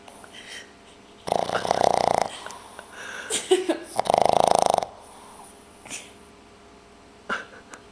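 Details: Snoring: two loud, fluttering snores about three seconds apart, with softer breathing sounds between them; ordinary snoring.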